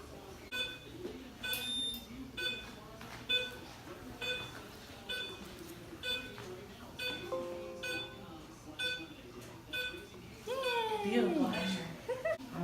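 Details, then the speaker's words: Repeated short electronic beeps at about one a second in a small room: exposure tone of a dental x-ray unit during veterinary dental radiography of mandibular molars using the parallel technique. "so I'm gonna press the button now once it beeps let go"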